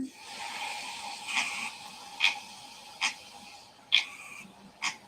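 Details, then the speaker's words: Adult's overnight recording of their own sleep bruxism: sharp, squeaky teeth-grinding scrapes about once a second, described as sounding like a duck, the jaw like a machine. "I do that with my jaw in my sleep. That's like, it sounds so- like your jaw is like a machine."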